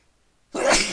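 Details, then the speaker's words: Brief quiet intake, then one loud explosive sneeze from someone deliberately making himself sneeze to clear pepper he had put in his nose; sneezing fit follows. "And all it did was bring the fuck out of my nose. So now I have to try and make myself sneeze to get it out of there."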